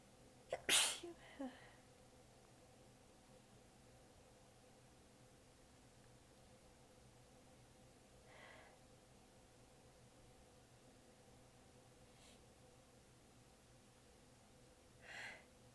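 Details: One sharp sneeze, then several faint, held-back sneezes over the following seconds, in a tired, prolonged sneezing fit; the sneezer was exhausted with sore abs and biting sneezes back.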